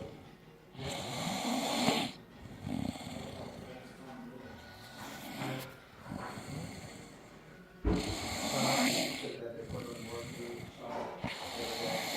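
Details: Heavy snoring from a 16-year-old girl: loud, harsh, rattling snores on repeated breaths with some snorting.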